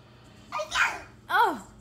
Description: That time He couldn’t stop Pretend sneezing- is 18 months old and loves to act out sneezing!